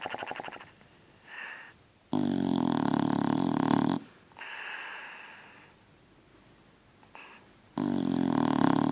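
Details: Snoring Shar Pei dog during sleep: loud rattling snores alternating with quieter rasping breaths.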